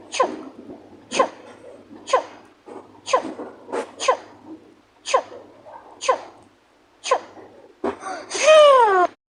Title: Numberblocks Sneeze Round 4 For @Octo-Goat1.0